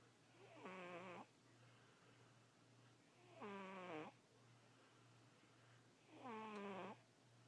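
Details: Three slow, regular rasping breath sounds at about 21 breaths a minute over a steady room hum; snoring.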